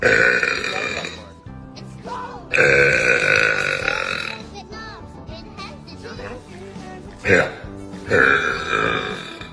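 Several voiced belches over background music, some long and rolling; burping.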